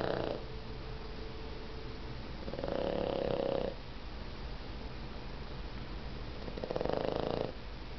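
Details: Puggle puppy sleeping nuzzled into a pillow, snoring with slow, rough rumbles, about three in eight seconds, with a steady background hum between breaths.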